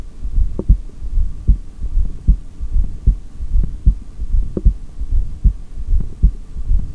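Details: Heartbeat recorded by stethoscope during an exhaled breath-hold (a record of 3:17 in this single-take recording): regular low thumping at about 76 beats a minute with no breath sounds; stomach growls also occur in the recording.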